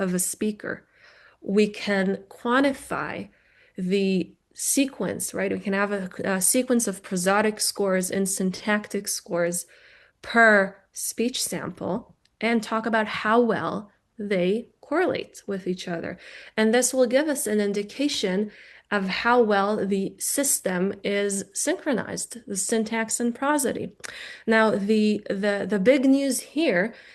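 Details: Adult woman lecturing; normal speech.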